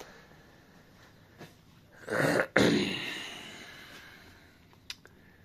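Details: Two harsh, dry cough bursts close together, then quiet breathing and faint room noise; the speaker suspects the cough is a "chemtrail" chemical cough.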